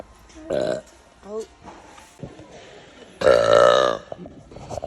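Two loud, drawn-out burps, the second longer and deeper, with faint background noise between them. Ordinary belching.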